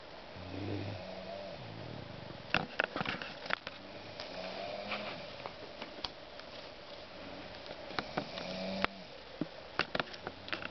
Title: snoring!